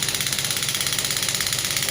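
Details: Biotronix clinical pneumatic shockwave therapy device (5–12 bar range) demonstrated with frequency and energy adjusted: rapid, even mechanical tapping pulses, about fifteen a second, as the handpiece fires.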